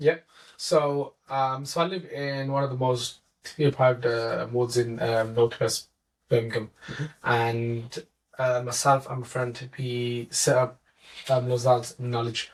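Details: Adult male teacher who has stammered since about age four; stuttering.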